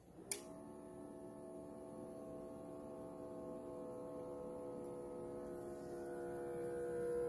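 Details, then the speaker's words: Sinocare upper-arm automatic blood pressure monitor, user seated with cuff at heart level: a sharp click, then a steady rising pump whine as the cuff inflates; reading afterwards 127/85 mmHg, pulse 66. "Okay, let's try this out and see how it does. Please remain seated and refrain from talking during measurement. And keep cuff at the heart"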